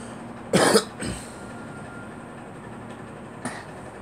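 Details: Girl coughing: two short, harsh coughs close together, then a faint third moment later, over steady background noise; a brief cough bout.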